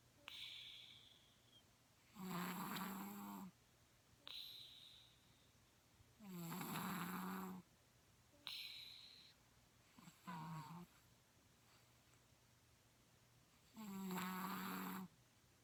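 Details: Snoring: loud, buzzing snores on each in-breath, with whistling out-breaths between, at about 8 breaths a minute.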